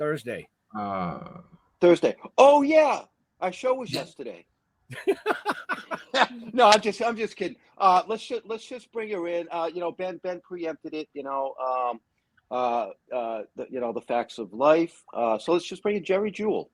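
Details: Adult speaker; typical speech.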